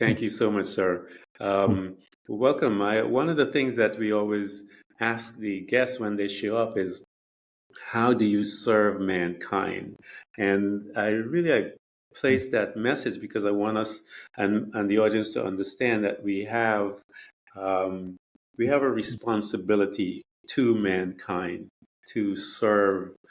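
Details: Adult man speaking; ordinary speech.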